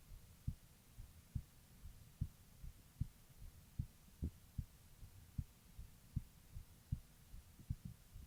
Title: Female heartbeat recording